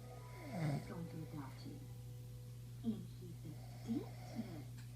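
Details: Snoring from an adult man (husband) asleep: low, rattling snores and snorts on breathing, with a steady hum in the room.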